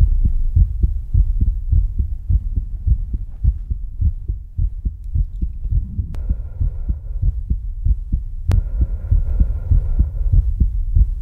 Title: ASMR Left~Center~Right Around You , heartbeat Sounds ❤️